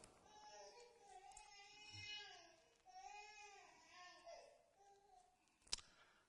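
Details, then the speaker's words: Infant crying in rhythmic, moderate wails with a steady pitch, presented as a quiz sample against a pain cry, which has higher intensity and pitch; hunger cry. "So we'll do a quick quiz, everyone. to see if you can actually identify a hunger versus a pain cry."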